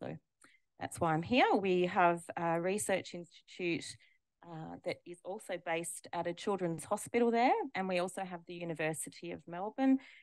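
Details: Adult woman speaking; typical adult speech.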